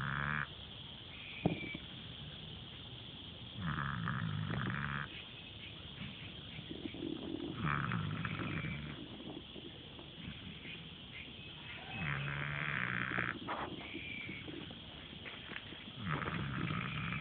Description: Angel's crashed out and snoring the hot afternoon away!